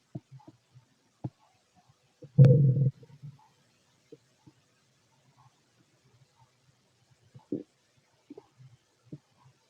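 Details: Bowel sounds (borborygmi) from a fit adult male's abdomen, recorded with a stethoscope: quiet scattered gurgles and one louder rumbling growl; ordinary stomach growling.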